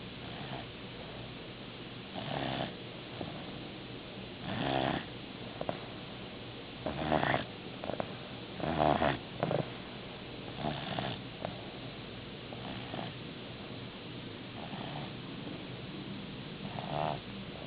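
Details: Sleep snoring, apparently an animal: repeated soft rumbling snores with each breath, roughly every two seconds, in a quiet room.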